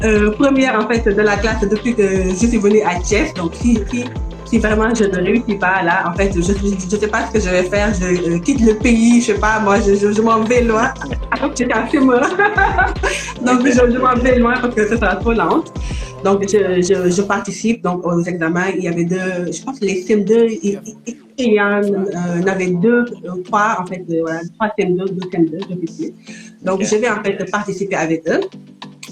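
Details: Adult woman who stutters and is working to overcome her stuttering; stuttering.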